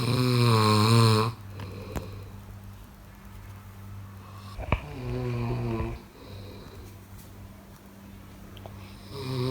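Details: Loud rattling snores, about two in ten seconds, each a long low vibrating inhalation with quiet breathing between; typical snoring.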